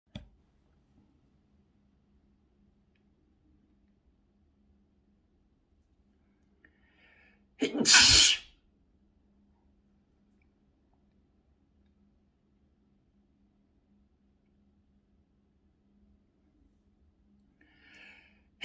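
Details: A single sharp, explosive sneeze in a quiet room, with a faint breath before it; an ordinary sneeze.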